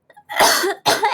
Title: 기침 모음집 1